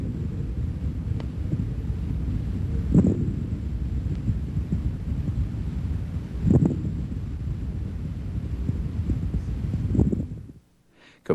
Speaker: fine crackles are soft high-pitched and very brief course crackles are louder lower pitched and longer